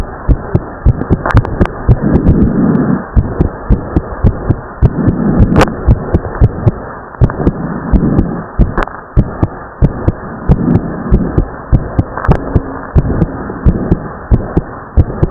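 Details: Teenage boy's fast, regular heartbeat after overexerting himself with exercise, the second sound of each beat heard as two close parts: split S2.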